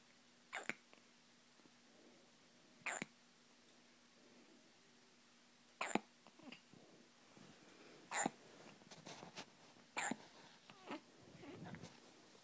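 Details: Avril with hiccups: five abrupt, sharp hiccup bursts about every two to three seconds, with soft rustling between; hiccups.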